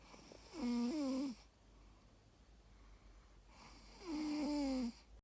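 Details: Sleeping female dog: two whistling, tonal snoring breaths about 3.5 seconds apart with quiet pauses between, roughly 17 breaths a minute; snoring during sleep.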